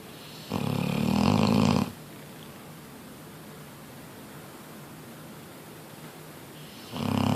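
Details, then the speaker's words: Eight-year-old female Neapolitan Mastiff snoring while asleep, loud enough to be heard by downstairs neighbours: a loud, rumbling snore on the in-breath, a long quiet pause, then the next snore beginning. "all right so we're about to sneak up on my Mastiff she snores so loud I have no idea how this is possible the neighbors that live below us in our building hear her snoring"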